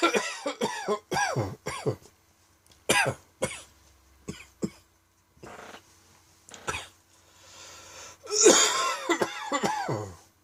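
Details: Dry tickly evening cough fit that came on unawares: repeated dry, harsh cough bursts with throat clearing and brief pauses between clusters; dry cough.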